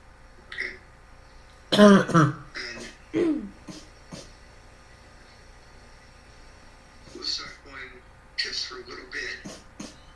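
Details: Habit cough (somatic cough syndrome): chronic cough of up to 5 years, up to 18 hours a day, absent once asleep and returning on waking; patients later instantly and permanently cured by a procedure.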